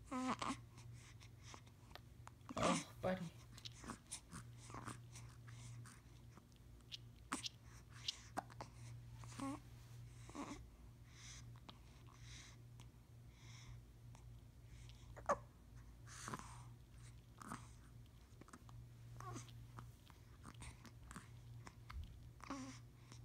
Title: Baby hiccups